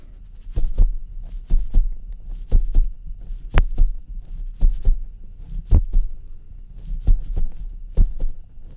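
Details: Steady paired lub-dub heartbeats at about 56 a minute, heard through a stethoscope placed on the chest in a simulated doctor roleplay exam; normal heartbeat.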